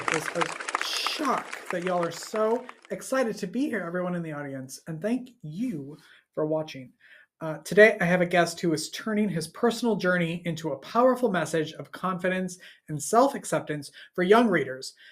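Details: Adult speaker, host addressing an audience; normal fluent speech.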